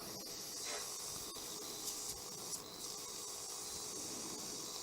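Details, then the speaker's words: Suction running while a DEKA CO2 laser is used at a dental implant site to kill bacteria internally, treating bone and soft tissue: a steady high hiss with faint scraping. "And now the deal is we're going to go in and we're going to kill all this bacteria internally. Suction. Thank you."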